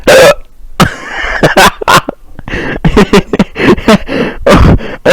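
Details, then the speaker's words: Person during a Skype call, unable to stop hiccuping: repeated sharp, abrupt vocal catches mixed with breathy laughter and voice sounds; hiccups. "Oh, I got the hiccups, Kenny. I made Carrot quit Skype. I was Noob. I was hiccuping so much he got so oh mad."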